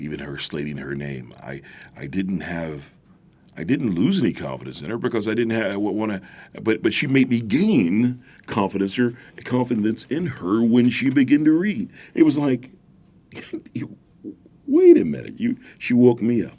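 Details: Adult man with a stuttering disability who senses a stutter coming before it happens and has to control each word, even in ordinary conversation; stuttering.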